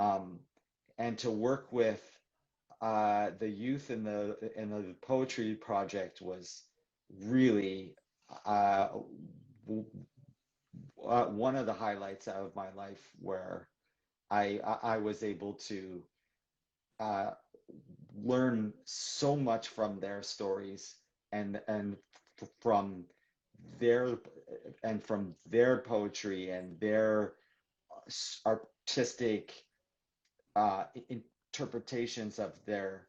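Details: Adult man who describes himself as a person who stutters, in live conversational speech; stuttering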